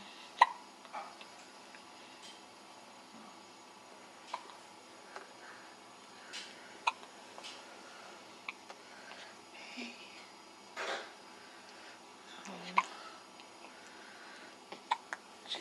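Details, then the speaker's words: A newborn with hiccups: soft, brief, repeated sharp catches at irregular intervals, about eight over fifteen seconds, in a quiet room. "got the hiccups."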